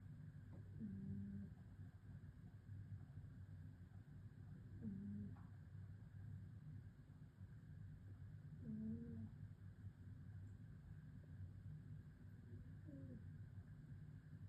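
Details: A sleeping cat snores loudly, with a low rumbling buzz and a rising nasal whistle about every four seconds.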